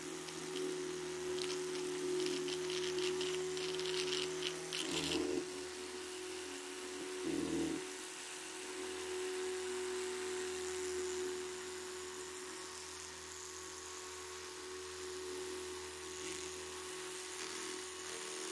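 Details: Electric toothbrush demonstrated in an ASMR dental check-up roleplay: steady buzzing hum with brief pulsed bursts (30-second quarter signal) over soft background music.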